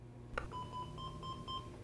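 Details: LIFEPAK 20/20e defibrillator/monitor: a click, then a series of short repeated electronic beeps, an alert for a connect-cable fault, likely a faulty therapy cable; defibrillator alert tone.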